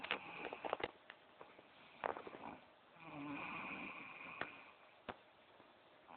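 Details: Mother asleep sitting upright in her chair, recorded on a cell phone: a long rattling snore on the in-breath with soft clicks and room noise; ordinary snoring.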